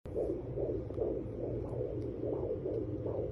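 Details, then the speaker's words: Home fetal Doppler (SpringBud FD500B) on pregnant mother: rapid rhythmic whooshing near 140 per minute, fetal heartbeat mixed with mother's slower heartbeat before probe loses the baby. "and mommy's heartbeat it's mixed he lost him where'd he go"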